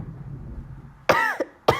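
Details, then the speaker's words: Person sneezing from allergies: two sharp voiced coughs after soft room noise, during repeated unexplained coughing between sneezes. "I'm sorry I don't know why I'm coughing so much but yeah it's really hard talking with when you when you have to"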